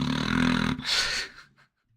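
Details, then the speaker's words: Snoring imitated by a person copying a sleeping dog's snore: a low, rattling throat vibration followed by a breathy exhale, with quiet room noise. "can you hear this dog snoring back here hold on right I think he's I think he stopped I was trying to capture it on the microphone attakus was sleeping and he was just going"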